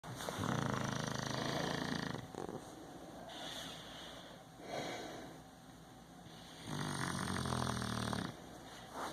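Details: A snoring person: snoring.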